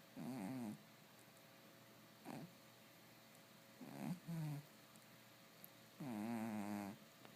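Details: Pet cat snoring in his sleep, which the owner says he does all the time: snoring.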